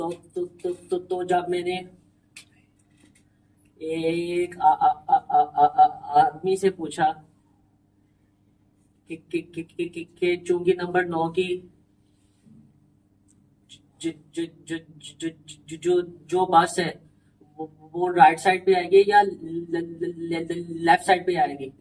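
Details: Man who stammers, in a stammering support session, deliberately stammering and including his feared words as a therapy technique; voluntary stuttering (deliberate stammering).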